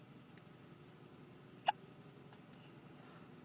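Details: Young child with hiccups while being coaxed to talk: one short, sharp hiccup in a quiet room with faint breaths around it; hiccup.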